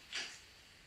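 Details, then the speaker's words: Brief, soft, high-pitched mechanical whirr of a Graseby MS26 syringe driver motor advancing the plunger after start-up, normal operation repeating regularly over 24 hours with orange light flashing every 30 seconds. "Vous allez entendre l'entraînement qui se répétera régulièrement dans les 24 heures et vous verrez le témoin lumineux orangé clignoter une fois toutes les 30 secondes."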